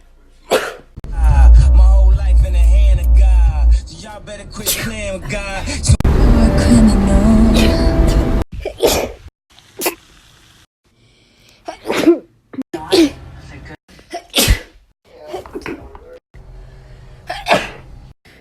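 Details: A string of sharp, explosive sneezes, some preceded by a drawn-in breath, over loud background music.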